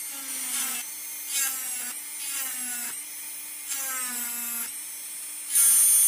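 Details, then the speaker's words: High-speed dental handpiece, high whine dropping in pitch with each bite, nearly completing distal reduction of a mandibular first molar (#36) on a typodont model for a full veneer crown, leaving a thin bit of tooth to protect the neighbour. "Okay, I've almost gone through the tooth. Now we have almost completed our distal preparation."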